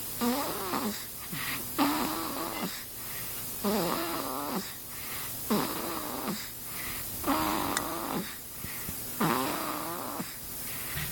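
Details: Sleeping infant snoring: regular rattling, vibrating snores on each breath, about six in ten seconds, in a quiet room.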